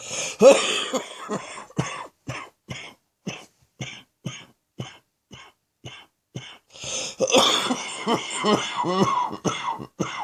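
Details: Adult with a chest infection, evening coughing: long run of short, repeated chesty coughs that sometimes sound like the lungs might succumb; productive (chesty) cough.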